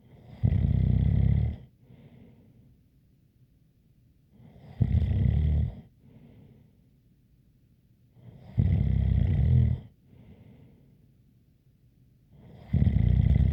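Regular loud rumbling snores on inhalation, about every four seconds, with a faint whistle on the breath; snoring with a light whistling tone.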